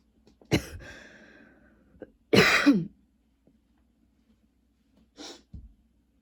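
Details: A few scattered coughs and a throat-clearing sound in a quiet room, part of ongoing long coughing spells with a persistent throat tickle: persistent cough.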